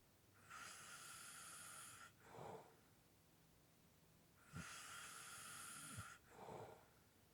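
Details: Light snoring with heavy breathing during sleep: two long hissing breaths, each followed by a short soft snore-like exhalation.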